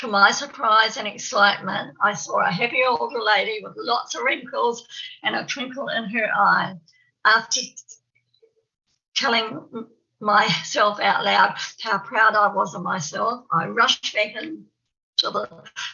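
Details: Adult woman from New Zealand who has a stammer. Stuttering.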